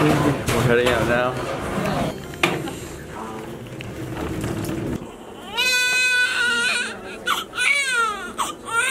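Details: Newborn delivered two weeks early, 6 lb 6 oz, just after birth: loud, high-pitched repeated wails over adult talk and room noise; a normal newborn cry.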